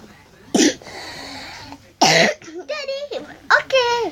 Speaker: Aku batuk banget, maafin banget ya.